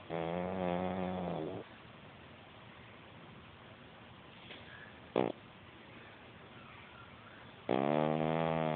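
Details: Snoring in a sleeping cat: loud buzzing breath sounds separated by several seconds of quiet, with a brief snort between them.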